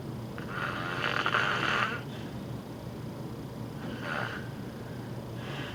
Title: Sleep Apnea Snoring